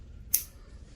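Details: Single sharp snip of nippers cutting a thick toenail in a former Marine with a nail fungus problem that he thinks started on Okinawa; quiet room noise.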